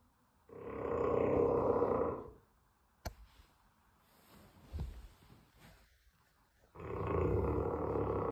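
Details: Two very loud, rough, rumbling snores on inhalation, about six seconds apart, with quiet breathing between, from a sleeping bullmastiff dog: heavy snoring.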